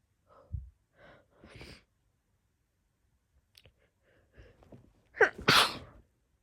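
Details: A woman with an allergic reaction to a friend's dogs has a sneezing fit: several small nasal puffs building to two sharp, loud sneezes she says sound weird compared to her normal ones.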